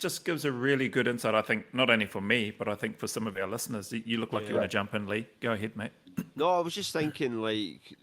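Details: Adult male speaker in conversation; no speech disorder.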